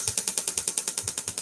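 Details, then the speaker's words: Rapid, regular, sharp clicking pulses, about ten a second, from a shockwave therapy handpiece placed on the skin, fitted with a shallower-penetrating attachment; shockwave therapy device pulses. "so that will disperse the shock waves straight through it just depends what i'm doing um and what i'm treating"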